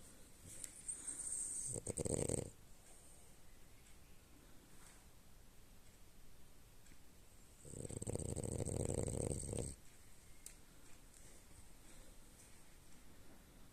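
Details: Soft, rough, snorting breaths with long quiet gaps over steady room noise: a sleeping French bulldog snoring.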